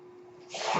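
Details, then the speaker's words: The speaker's own home mechanical ventilator, heard during podcast speech: a steady faint tone, then a rising airy hiss as it delivers a breath. "That noise you're hearing is my ventilator, and thank you so much for tuning in to Page Turners They Were Not, my Star Wars podcast."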